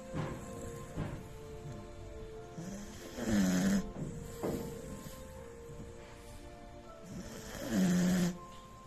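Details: 10-month-old beagle puppy snoring while asleep: soft, higher-pitched snorts and whistling snores with faint background sounds; ordinary harmless snoring.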